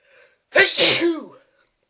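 A single sharp, explosive sneeze with a brief intake of breath just before it.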